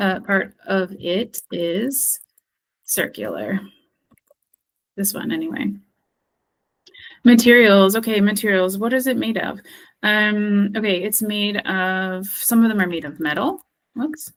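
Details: Acted: a female speech-language therapist role-plays a person with expressive aphasia after stroke, describing an object's features when unable to retrieve its name; word-finding difficulty (anomia) with circumlocution.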